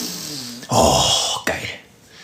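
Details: Adult man belching on a live stream: a rough, gravelly burp of about three-quarters of a second ending with a short catch in the throat.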